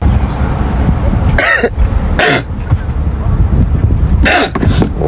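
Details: Three abrupt explosive sneezes over steady traffic-like background noise from an adult male K-pop singer on a livestream, said to have allergies.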